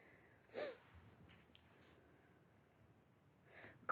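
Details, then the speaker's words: Short voiced grunts at the end of breaths out from a child in respiratory distress; expiratory grunting, the body creating pressure to open collapsed alveoli. "it's our body's way of trying to create pressure to open up those alveoli sacs in order to do their job and so you'll hear that sound grunting"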